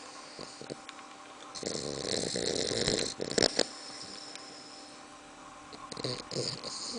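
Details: Two-month-and-three-week-old bulldog puppy snoring in a small room: noisy, rough snorting breaths with snuffling and sniffs.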